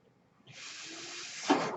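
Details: Ventilator airflow heard in the background at the start of a podcast introduction; the speaker notes the noise is from his ventilator; real recording.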